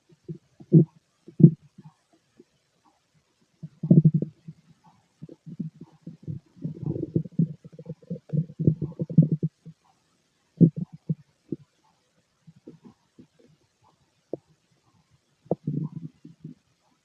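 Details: Male stomach during ordinary digestion: irregular low gurgles and rumbling bursts from the belly with quiet gaps, stomach growling (borborygmi).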